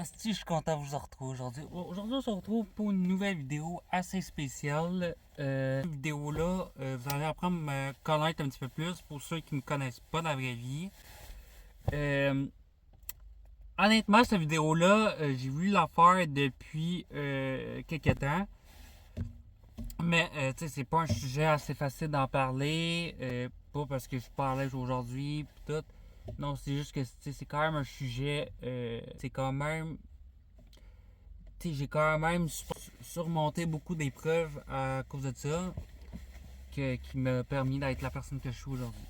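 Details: Developmental language disorder (dysphasia) in a 20-year-old man born deaf, with a cochlear implant fitted at age 3; he has had speech therapy for articulation.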